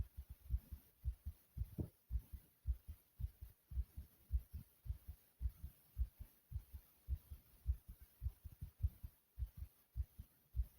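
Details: Self-recorded pounding heartbeat, noted as fast: strong, low, forceful thuds at about 110 beats a minute.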